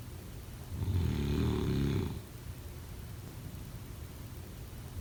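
One low, buzzing snore lasting more than a second, then quiet breathing, with the next snore starting at the end. Ordinary snoring during sleep.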